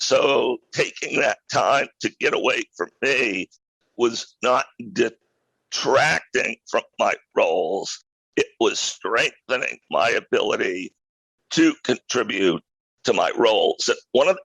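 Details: Adult male who acquired a rare neurological voice disorder in 2012 that made speaking difficult, still audibly present years later; neurological voice disorder.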